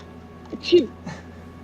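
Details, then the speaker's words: Sneezing during a live-streamed game session: a brief voiced intake, then a sharp hissy vocal burst and a softer trailing sound, a sneeze that sounds almost like a spoken word. ">> No, I'm sneezing. >> That was sneezing. I don't that that sounded like uh saying the word. >> That's how I sneezed."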